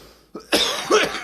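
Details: Adult male coughs after taking a big cannabis dab hit, a short run of harsh, explosive coughs, two main bursts after a faint catch, indoors: cough.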